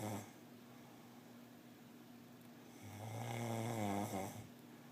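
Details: A low, rattling snore on one breath in, with a faint start of another, in a quiet room; snoring.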